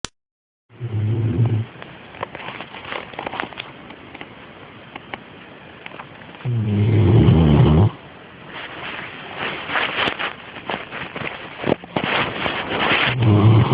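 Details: Sleeping dog snoring, heard every night: irregular, deep, snorting snores with loud rustling between them.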